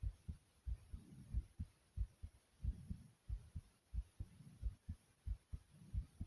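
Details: Fast heartbeat: strong, regular lub-dub beats at roughly 95 a minute in a quick, pounding rhythm.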